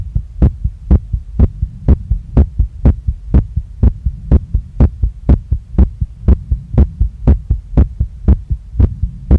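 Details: Woman's own heartbeat recorded after a workout: a strong, regular, pounding beat at about 120 a minute that won't calm down, felt in her chest, neck, face and stomach, with the chest visibly moving with each beat.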